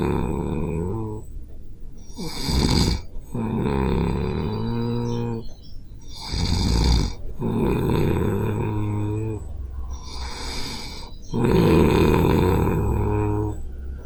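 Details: Snoring recorded while asleep, captured with a Zoom H5 handy recorder as a stereo WAV: loud, deep, rumbling snores on each breath with brief gaps; heavy snoring.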